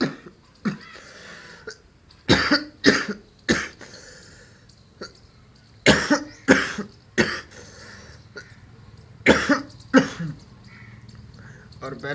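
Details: Man coughing repeatedly while recording in his room, a persistent cough he mentions having.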